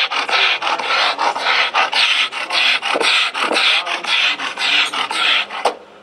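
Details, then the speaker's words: Inspiratory stridor from a dog with laryngeal paralysis. "this, you know, as soon as he walks in the door, he's going to say, "Oh, that dog's got paralysis." Because that's where we see this sort of thing all the time."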